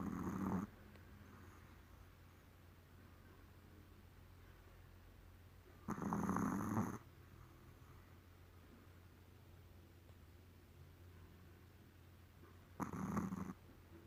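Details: Sleeping puppy snoring like a person: three slow, low rumbling snores, about nine breaths a minute, over a quiet room hum; ordinary puppy snoring.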